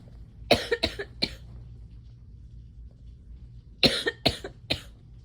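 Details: Coughing compilation from July, sick towards the end; two bouts of three quick, harsh coughs separated by a quiet pause, an ordinary repeated cough.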